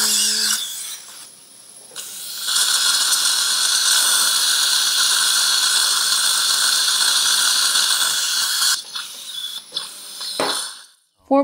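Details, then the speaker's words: Implant surgery on a 77-year-old male with poor periodontal condition, implants at teeth 43, 45, 46. A 5.0 by 8.5 mm drill prepares hard bone to about 70% depth, making a sustained high-pitched whine with rising and falling pitch. "bone quality is quite hard so 5.20 by 8.5 drill is used it's not full length but approximately 70 percent drilling is done"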